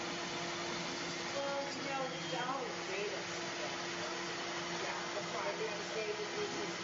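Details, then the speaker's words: Dental dry milling machine cutting zirconia with internal vacuum extraction: steady whirring with a constant hum and shifting whine, debris captured throughout. "so this is called a dry Mill and it's being evacuated the whole time it's got a like a vacuum cleaner inside to capture all the bits and pieces"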